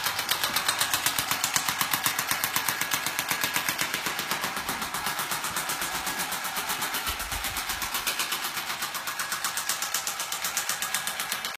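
Rapid, regular sharp clicking pulses, about four per second, from a shockwave therapy device treating a horse.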